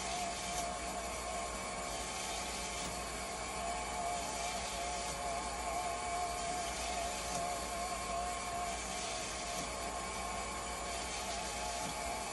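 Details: Haemodialysis machine running a retest after pressure transducer replacement for low flow error and high/low conductivity problems: steady whirring hum with faint rhythmic pump pulsing.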